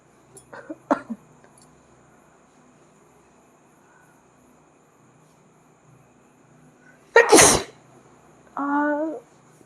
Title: Sneezing Challenge Part-2🤧🤧|| Most Viral Challenge|| #sneeze #dailyvlog #sneezing